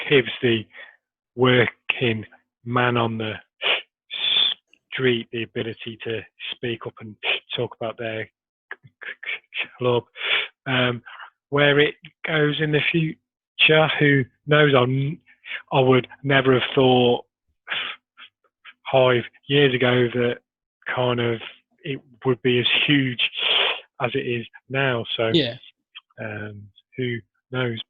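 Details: Adult male who stammers, speaking in an interview about his stammer. Finding: stuttering.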